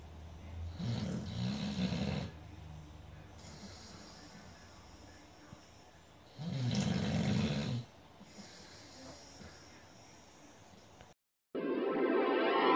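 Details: Boxer dog snoring during sleep: loud, rough snores on two drawn-in breaths a few seconds apart, with quiet breathing between; ordinary snoring.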